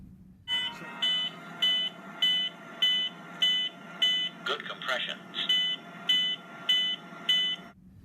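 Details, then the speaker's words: Regular electronic beeps from a Zoll defibrillator's CPR metronome, set to 100 beats per minute to pace chest compressions during cardiac arrest care, with brief talk in the background; CPR metronome beeping. "so we turn on the solo metronome so that when you working up a cardiac arrest the machine should be beeping at a rate of a hundred beats per minute"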